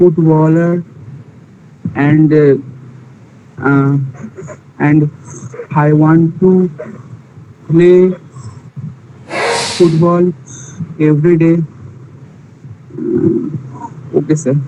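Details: Male participant in an online session for people who stammer, introducing himself; stuttering.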